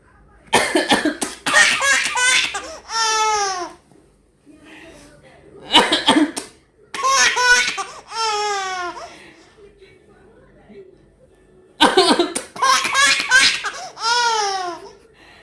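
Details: Three bouts of short adult cough bursts from a baby's father, each followed by the baby's loud laughter; the baby had been fussy all day.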